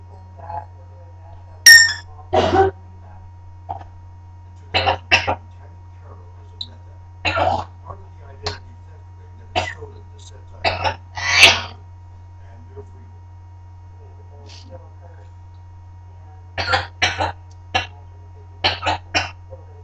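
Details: Cough in a parrot: repeated short, harsh, hoarse cough-like bursts, some in quick pairs, over a steady low hum.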